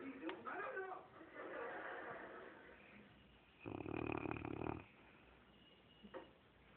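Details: Snoring in a sleeping Cane Corso dog: a low, rough, rattling breath sound rises and fades once over about a second, among quiet room noise.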